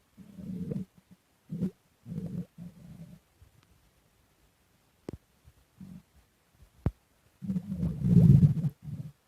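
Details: Stomach growling while digesting lemon cake: low gurgling rumbles in irregular bursts with a few faint clicks, ending in a longer growl; ordinary digestive bowel sounds.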